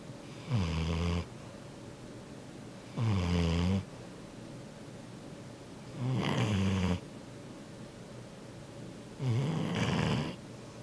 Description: Video of Yellow Lab asleep snoring aloud.